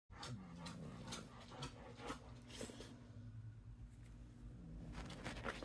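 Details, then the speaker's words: Low rumbling tone under repeated noisy, snuffling breaths from an old service dog sleeping contentedly on the back of a couch: dog snoring. "yes your brother is [Music] snoring he seems to be quite content on the back of the couch"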